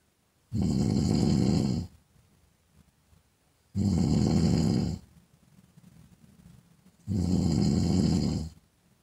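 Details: Woman snoring in sleep: loud, rough snores on each breath in, three in nine seconds, with quiet breathing between; regular snoring.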